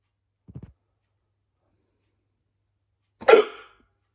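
A soft cluster of low catches, then after a pause one sharp abrupt hiccup sound in a quiet room: hiccups.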